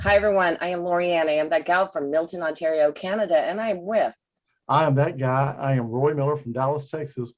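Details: Adult woman and adult man speaking; typical speech.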